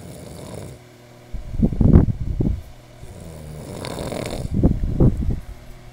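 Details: Worn-out male visitor snoring: deep, rough, fluttering snores with soft breath noise between them over a low background hum.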